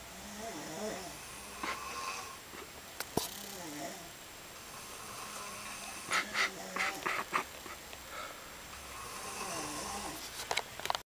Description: Just more snoring from sethy and sam..